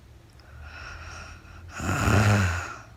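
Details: Real-time recording of a woman sleeping overnight after being very tired, no talking: a soft breath, then a louder, low, rough rattling breath. Snoring.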